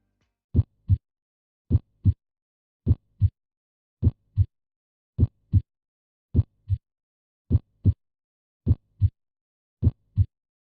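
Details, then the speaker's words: Educational stethoscope demonstration of normal heart sounds: regular paired lub (S1, AV valve closure) and dub (S2, pulmonary and aortic valve closure) thumps at about 52 a minute, with a clean quiet gap between pairs. "चार hot valve और उनकी संबंधित hot sound को निम्नलिखित शारीरिक क्षेत्रों में auscultate किया जा सकता है।"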